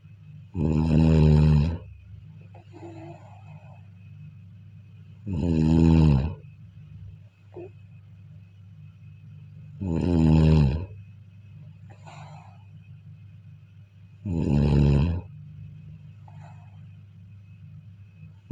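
Regular loud snores on the in-breath, about thirteen a minute, with soft breathing noises between and a steady low room hum.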